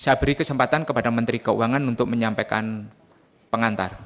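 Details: Adult male speaker; Normal voice.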